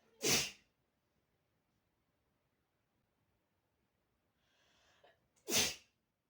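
Two loud, sharp bursts of air with a brief indrawn breath before the second, a pair of ordinary sneezes.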